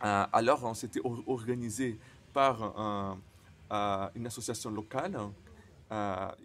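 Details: Man who stutters, speaking non-native French, who says his stuttering often involves silent blocks; stuttering.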